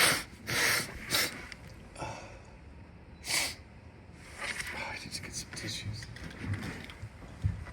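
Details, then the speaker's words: Adult with a cold, also coughing a little, sneezing several times with sharp hissing bursts of air followed by wet, noisy nose blowing. "think I definitely have a cold. I've been sneezing and excuse me, sneezing and blowing my nose."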